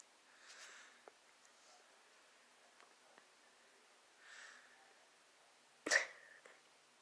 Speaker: Sorry, I sneezed.